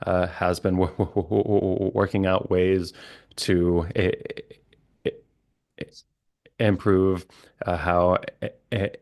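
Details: Adult male licensed speech-language pathologist who stutters, with repetitions and blocks, speaking conversationally: stuttering.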